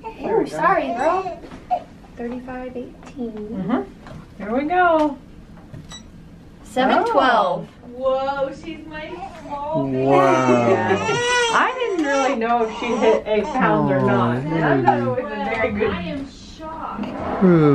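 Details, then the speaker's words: Newborn girl just born after scheduled induction, third child, 21¼ inches long; repeated strong, clear rising and falling cries with brief pauses; normal vigorous newborn cry shortly after birth. "her voice sounds different yeah can you leave the i think it's been a long time since we've heard a newborn there too"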